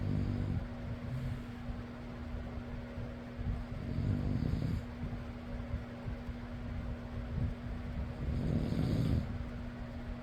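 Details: Soft rumbling snores recurring over a steady fan hum: snoring.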